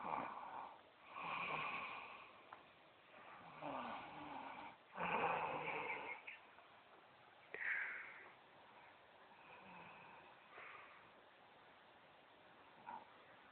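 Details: Mother snoring while asleep sitting upright in a chair, low-quality cell phone recording: soft, irregular raspy breaths with a few louder snorting breaths against low room hiss.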